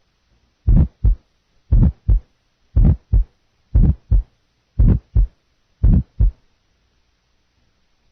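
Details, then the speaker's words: Harsh or rough heart murmur of mainly medium frequencies on a simulated heartbeat at about 58 per minute, contrasted with blowing and rumbling murmurs on a teaching recording. "now a harsh or rough murmur mainly medium frequencies"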